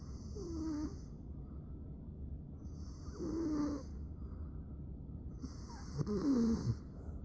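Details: Snoring in a person with severe obstructive sleep apnea who stops breathing about 48 times a night; three loud, rough snores at regular intervals, about 21 per minute.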